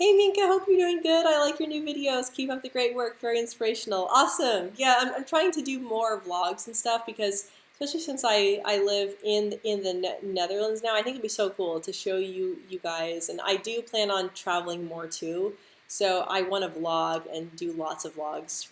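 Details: Adult woman who stutters, speaking during a live stream; stuttering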